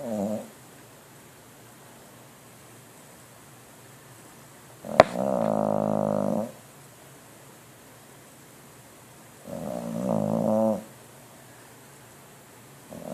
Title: Bulldog dreams and snores